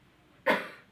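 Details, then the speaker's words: One short, abrupt cough in a quiet room from a person who coughs on stepping out of a room. The cough has lasted 15 years and not improved with treatment; the room is said to be haunted. "kalau keluar tiga langkah batuk"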